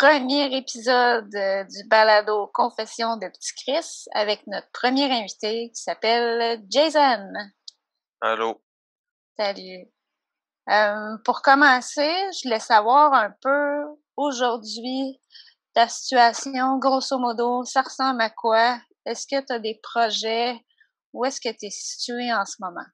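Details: Adult speaker, podcast host; Normal fluent speech.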